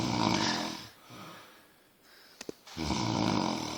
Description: Snoring room mate